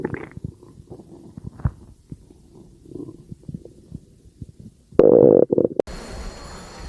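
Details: Irregular low gurgles and rumbling squelches, then a louder gurgling burst and a brief background hiss: ordinary stomach growling (borborygmi).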